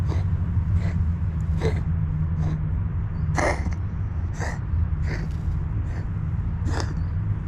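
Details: Tuxedo cat, unwell and constantly coughing: a run of about nine short, breathy hacking bursts in quick succession over a steady low hum; repeated coughing.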